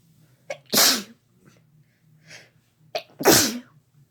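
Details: Two sneezes from a female and a male, each a quick catching breath followed by a loud explosive burst with a trailing voiced tail; sneezing.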